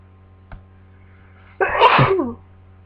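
A brief intake of breath, then one sharp, explosive sneeze. A single sneeze from someone with a cold.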